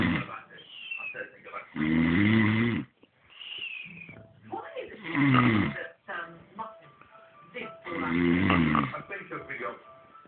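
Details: Overweight young man asleep while revising for his driving test: loud, rattling snores about every three seconds, roughly 20 a minute, quieter breathing and faint background tones between; snoring.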